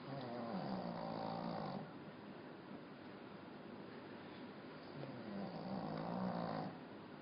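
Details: Small Pekingese dog snoring like a big dog or a human: two long, loud rumbling snores with steady background noise in between; snoring.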